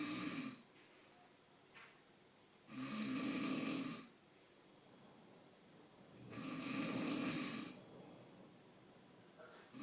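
Loud, rattling snores on each in-breath with quiet gaps between, about three in ten seconds; ordinary snoring.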